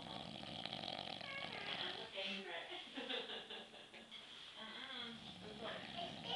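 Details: Very loud, rough, rattling snoring with buzzing tones from an adult male asleep, over a steady background hiss; snoring.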